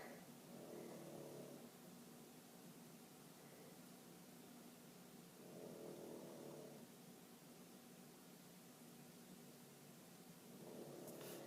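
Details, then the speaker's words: Female pug sleeping in the room: low rumbling snores recurring about every five seconds, roughly twelve a minute, over quiet room noise; snoring. "I don't know if you can hear the snoring behind me, but that's my pug. She's decided to join us tonight and is very loudly doing so, but I don't know if you can hear that."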